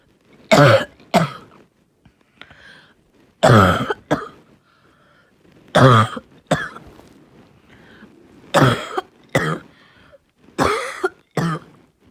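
Repeated harsh coughs in pairs, about ten over twelve seconds, with a hoarse, barking quality; a barking cough as in croup-like illness.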